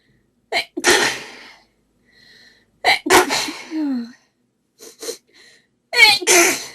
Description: Many really desperate sneezes here. Her nose was so sneezy.